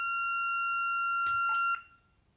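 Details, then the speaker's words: Steady high-pitched tone interrupted by clicks, ending abruptly: corpuls defibrillator delivering a 200 J test shock into a test box via shock paddle buttons during a paddle functional test. "With the device turned on, I now hear a confirmation tone when operating the shock pedal buttons. The actual shock delivery is carried out here in a test box."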